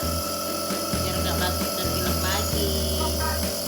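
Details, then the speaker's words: Running nebulizer compressor, steady low motor buzz with music and voices, as a seated young girl with a week-long cough and cold inhales the cool vapour without crying. "Ini mau diuap nih, Guys. Sekarang lagi batuk pilek."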